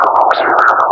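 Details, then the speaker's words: Monophasic arterial spectral Doppler signal (a less-than-ideal example): continuous one-direction "shoo" blowing flow sound throughout the cardiac cycle. "what I want you to try to hear is that the blood seems to or the the phase seems to be moving in one direction almost continuously throughout the the cycle. So, it should be sort of like a shoo blowing type uh of sounds."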